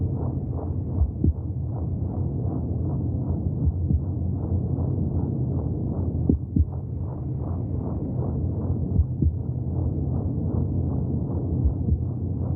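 Rapid, steady whooshing pulses at about 140–150 a minute over a muffled low rumble; fetal heartbeat heard through the womb.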